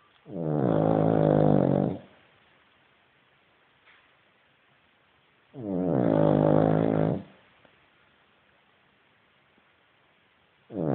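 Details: Sleeping Cavalier dog: long, buzzing, growl-like snores on each inhalation, about 12 a minute, with quiet exhalations between; snoring.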